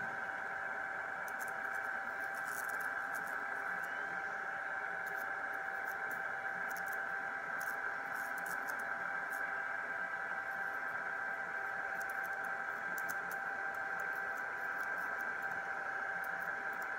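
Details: Electrocautery tattoo removal performed on the speaker's own skin, fine tip carbonizing dry skin with controlled electrical discharge: continuous steady electrical hum with faint crackling sparks while lightening pigment.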